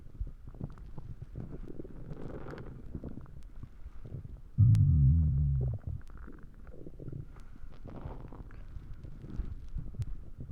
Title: Stomach Growling Loud Sound effects